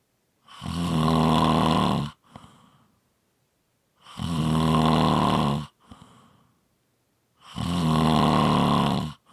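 Three long, loud, rattling snores on the in-breath, each followed by a quiet out-breath, about 17 breaths a minute; ordinary heavy snoring.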